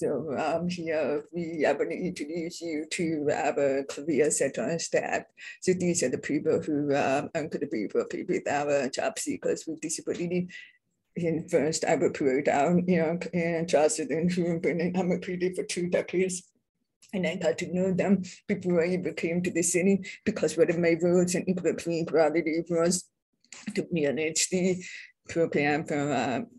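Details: Adult speaker born deaf, now using bilateral cochlear implants, self-described as having a deaf accent; deaf speech (hearing-impaired speech).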